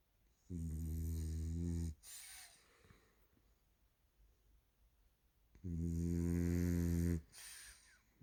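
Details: A 1-year-old French bulldog makes loud, deep, buzzing snores lasting over a second each, about five seconds apart, with short snorting exhales; heavy snoring.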